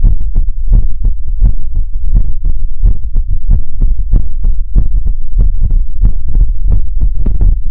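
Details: ASMR livestream heartbeat sound effect: rapid, steady low thumps, roughly two beats a second, with a faint hum behind.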